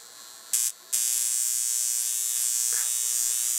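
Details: Lift Wand high-frequency argon-gas facial wand with behind-the-ear glass electrode, brand new, switched on and applied to hand: brief bursts then steady high-pitched electrical hiss and buzz; high-frequency wand operating.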